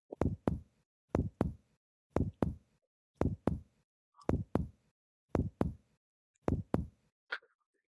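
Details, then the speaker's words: Paired percussion taps moving down the lower abdominal midline over the bladder without changing from tympanic to dull: bladder not distended or enlarged. "this indicates that the bladder is not distended or is not enlarged"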